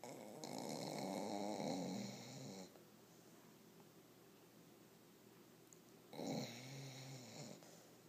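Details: Dog (Winston) snoring while asleep: two long, rough, rattling breaths with a quiet pause between them in a small room.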